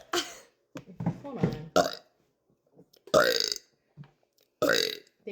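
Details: Burping after lunch: several loud, drawn-out belches between short bits of speech and laughter.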